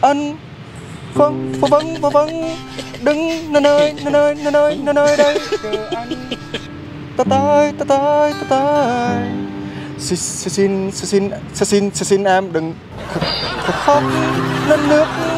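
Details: Young man acting as a stutterer in a prank, singing with repeated sounds and syllables: stuttering (acted).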